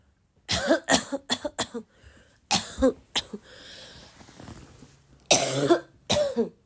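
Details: Girl, still sick, coughing a lot: two bursts of repeated harsh, barking coughing, about seven coughs, with a quiet pause between; coughing fit.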